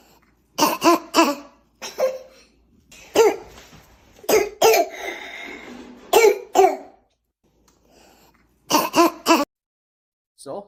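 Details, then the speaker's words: Child with croup (acute laryngitis) in a teaching clip: harsh, honking bursts of barking cough in clusters. "this this is the parking cup then we will have an inspiratory st up"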